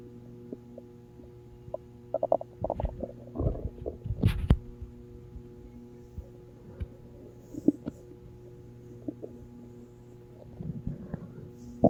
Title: Hope you guys didn't hear My Stomach growling